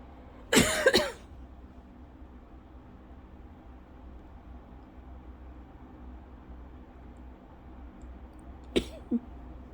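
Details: Lingering cough over a month after an illness, with constant scratchy throat, episodes about 8 times daily; a milder bout not triggering asthma cough: two short dry, harsh coughing bursts several seconds apart in a quiet room.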